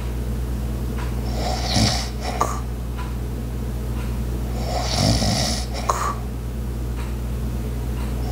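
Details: Light snoring during sleep: soft snores over a loud steady household hum from an ice maker and clock, with occasional clicks.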